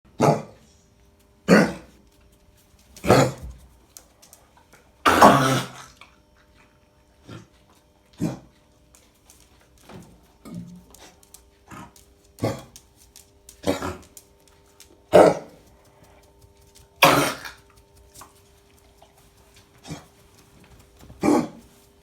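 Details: A Cocker Spaniel gives repeated harsh, dry coughing bursts with gagging-like throat clearing: kennel cough.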